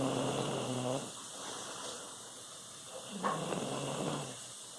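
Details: Dog snoring heavily: loud, buzzing, growl-like snores in two drawn-out bursts with a quieter stretch between.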